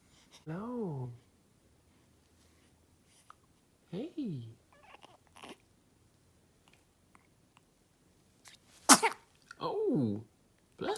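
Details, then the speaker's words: Newborn baby's first big sneeze: small high squeaky sounds with one brief sharp sneeze burst in a quiet room. "Oh, bless you. That was a big one. That was a big one. That was a big one."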